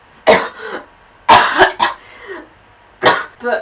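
About five or six harsh, forceful coughs come in three clusters, some followed by a brief voiced tail. An adult is imitating her own persistent cough.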